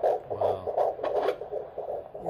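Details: Fetal heartbeat at 11 weeks of pregnancy on Doppler, heard for the first time: quick, regular whooshing pulses at about 160–170 beats a minute, with good variability.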